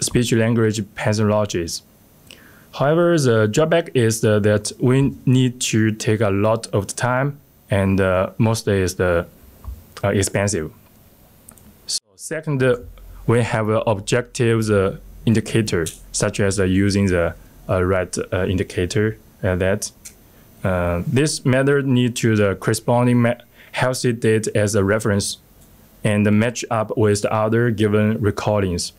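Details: Adult male speaker; normal speech.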